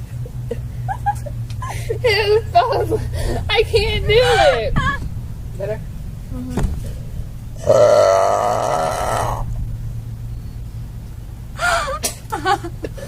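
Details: Girl burping deliberately: chatter and laughter, then a long, loud, deep belch of about two seconds.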